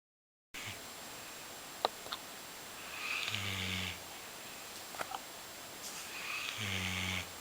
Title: Golden Retriever - Sleeping and snoring dog